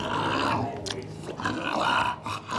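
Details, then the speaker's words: Two-year-old bulldog, snoring like this for over a year, breathing worse when hot or near other dogs, throat swells: very loud, rough snoring noise on each breath, stertor from a blocked upper airway. "stanley you sound like a diesel that's the loudest snore that i think i've heard out of a bulldog he's that's pretty bad"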